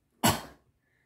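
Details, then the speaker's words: Single short, sharp cough-like burst: the person with Tourette syndrome imitates their first vocal tic, a cough that began around age five to seven. "the first one was a cough um it kind of sounded like this"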